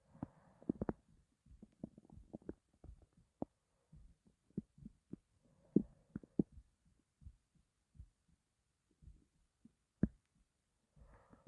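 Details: Irregular low gurgles and rumbling bursts of stomach growling in a quiet room from a person who had not eaten for a long time and was starving.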